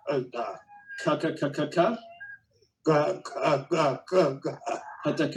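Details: Cerebellar ataxic dysarthria, described as arising from poor coordination of talking and breathing, presented in a lecture on dysarthria.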